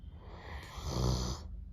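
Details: A sleeping Doberman dog gives one low, rumbling snore on an inward breath; snoring.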